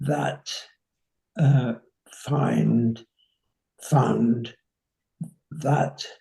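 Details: 85-year-old man with nonfluent variant primary progressive aphasia; slow, effortful speech; nonfluent variant primary progressive aphasia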